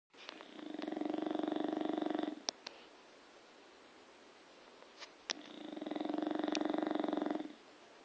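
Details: Bulldog snoring: two long, loud, fluttering rattles on the in-breaths, about 15 breaths a minute, with quiet out-breaths between.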